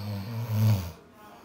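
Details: One deep, low rumbling snore on the in-breath, then quiet, from an adult man (husband) whose snoring lulls a 4-month-old Seal Point Siamese kitten to sleep; ordinary snoring.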